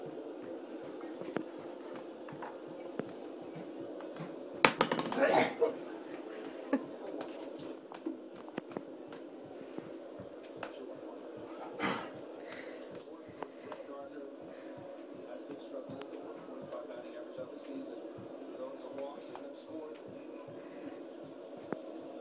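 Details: Two sharp hiccups from an adult man, about seven seconds apart, over steady room hum.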